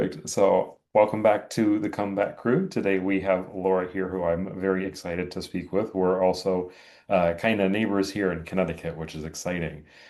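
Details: Adult man speaking; normal speech.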